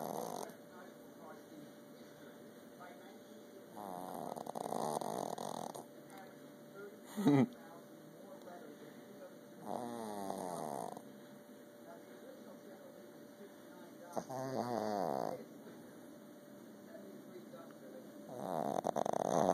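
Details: Sleeping Boston terrier: soft, rattling snores at irregular intervals over steady room hum, with one brief sharp snort; snoring.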